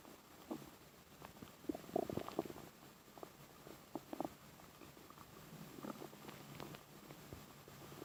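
Bursts of gurgling and bubbling over a quiet background, typical active bowel sounds of stomach growling.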